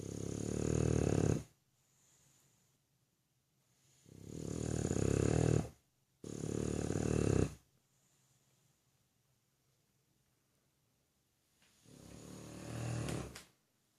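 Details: Heavy snoring during sleep, heard every evening: loud, rattling snores in long breaths with pauses between, four in fourteen seconds.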